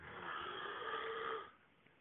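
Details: Loud snoring, joked about as a rare species: a single loud, rough, drawn-out snore on an in-breath, fading after about a second and a half.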